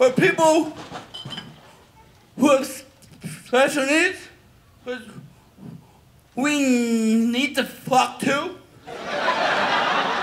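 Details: Adult male stand-up comedian who says he has a stutter that does not occur when he whispers, describing whisper, stutter and robot speaking modes; stuttering.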